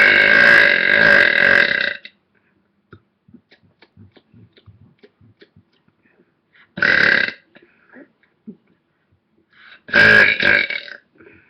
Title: very loud burps!!!!